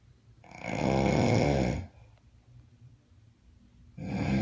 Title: The snoring roommate